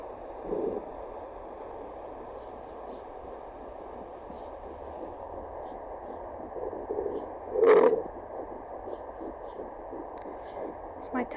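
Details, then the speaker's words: Pregnancy at 8 weeks 2 days, home fetal Doppler: steady hiss with a brief gurgling burst of the mother's stomach rumbling just after eating, not the fetal heartbeat. "rumbling I just ate it's coming up with my numbers"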